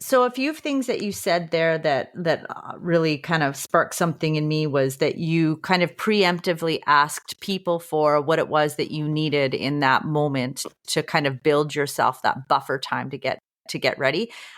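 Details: Adult woman speaking; normal speech.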